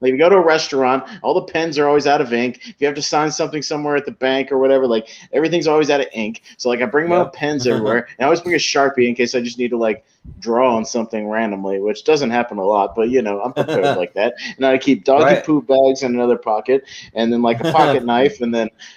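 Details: Adult male speaker; typical speech.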